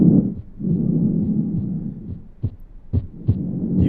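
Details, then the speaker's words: Soft, low breath sounds heard by stethoscope over the front of the chest of a female virtual-reality patient simulator: simulated normal vesicular lung sounds. "I can come up, listen to her sounds. We just have normal lung sounds to start."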